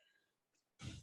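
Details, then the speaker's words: Cough from a person with a bad case of allergies after travel, described as sounding like a smoker's cough with gasping for air; two COVID tests were negative. "came back with uh really bad allergies it sounds like i have a smoker's cough so if you hear me stopping it's just because i'm trying to gasp for air"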